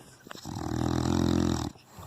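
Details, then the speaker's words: Sleeping female dog; the owner complains she snores far too much: one long, loud, rattling snore on the in-breath lasting over a second; heavy snoring. "eu não estou aguentando e olha isso ronca demais e aí e eu não sei me ajudem aí"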